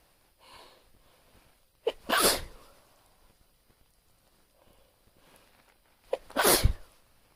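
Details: Deliberately induced sneezing recorded on a phone: two sneezes, each with a short in-breath and then a loud explosive burst, in a quiet room.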